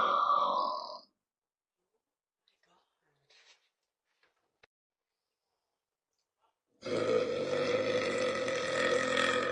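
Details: Girl in a mukbang burping clip gives two long, deep, rumbling belches separated by near silence, produced deliberately; burping.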